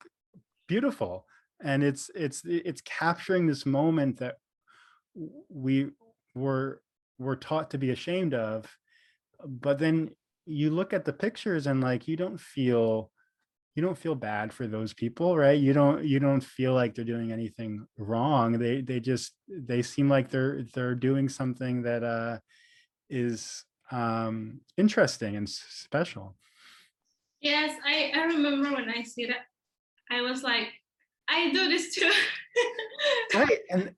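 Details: Adult man, speech therapist and professor who stutters, with audible repetitions and fillers; stuttering.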